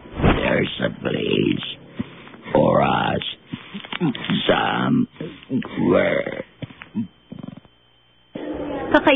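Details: Adult man whose larynx was removed after smoking-related throat cancer, singing with esophageal voice produced by controlled burping; esophageal speech (singing).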